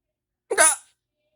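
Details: Person hiccupping with mouth open, saying it hurts: a single abrupt voiced catch of breath, a short sharp gulping sound; one painful hiccup.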